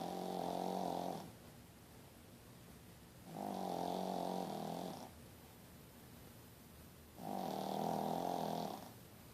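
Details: Female Pekingese dog rescued from a shelter, sleeping comfortably and snoring.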